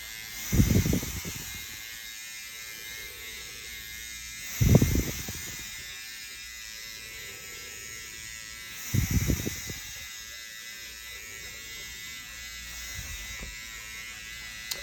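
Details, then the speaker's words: SkinPen microneedling pen working over an adult man's face, starting on the cheeks, with PRP at a dermatology clinic. He rates his pain at least 6 of 10 while breathing nitrous oxide. Steady high-pitched motor buzz with a few soft thuds. "And now we're doing microneedling. I can feel it, so I'm going to breathe a little more air. With the microneedling, it creates micro holes in the skin."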